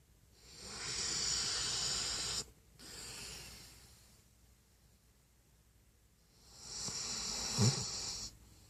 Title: Dog snoring